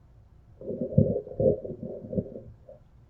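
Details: Normal bowel sounds heard during a head-to-toe health assessment exam that followed normal heart sounds and clear lung auscultation.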